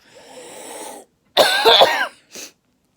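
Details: Adult woman under palliative care, told she will get no more chemotherapy, breathless with a bad cough after a shower: a faint breathy sound, then a harsh burst of about three wet coughs and a final short cough.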